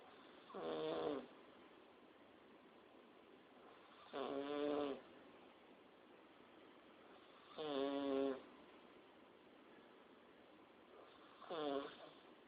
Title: weird snore